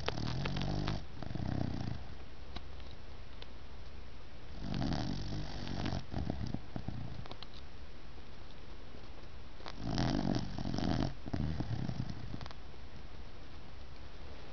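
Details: Soft, rattly snores roughly every five seconds from a sleeping 6-month-old puppy, over steady room hum; snoring.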